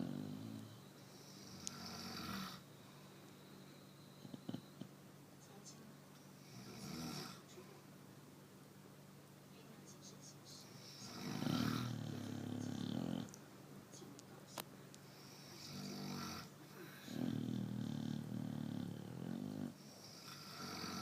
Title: 126 seconds of Chow Chow Snoring